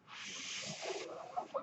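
A steady airy hiss lasting about a second, the sound of a mechanical ventilator delivering a breath.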